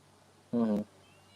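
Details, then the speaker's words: Infant crying: a grandchild's single brief, voiced wail heard faintly in the background of an online interview against quiet room noise. "okay grandpa is pissed off"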